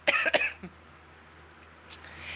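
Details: Two sharp, closely spaced coughs, then a faint throat sound and a brief breath, in a quiet small room: cough.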